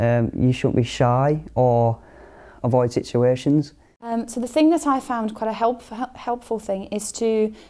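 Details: Person who stammers, who years ago could not say the word "stammer": stuttering.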